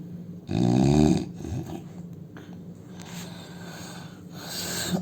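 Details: An Indian man snoring: a single loud, rough, rattling snore on inhalation, then quieter breathing against a steady background hum.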